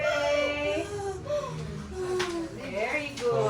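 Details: Strong, high-pitched wailing cries of a newborn baby girl just after a first-time mother's natural birth, with adult voices, applause and music behind: a vigorous first cry.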